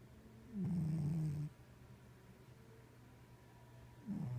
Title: Cat snoring